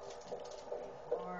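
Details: Rapid, rhythmic whooshing fetal heartbeat on Doppler at about 148 beats a minute, normal; fundal height measured 21 cm with good growth since the last visit.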